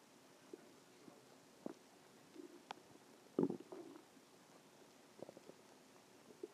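Faint intermittent gurgles and squeaky bubbling sounds over quiet background: normal stomach growling.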